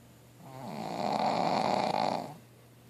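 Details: Pug snoring in sleep: one long, rasping snore building and fading over about two seconds.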